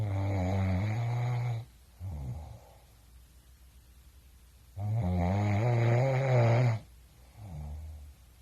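Two loud, rattling snores on breathing in, each followed by a softer breath out, about five seconds apart; typical snoring.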